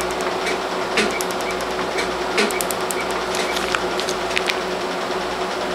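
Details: First Q-switched laser tattoo removal session on a 4-month-old, mainly black-ink star tattoo on the arm, on African-American skin, using lower energies. Quick sharp snapping clicks in bursts over a loud steady machine hum; patient rates pain 5/10, like a rubber-band snap.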